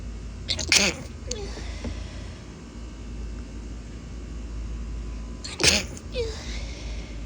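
Two quick, muffled sneezes, each a short burst of air, over steady room noise; stifled sneezing.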